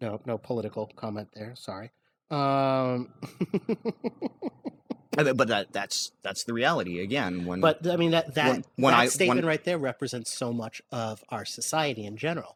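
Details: Adult man speaking; normal conversational speech.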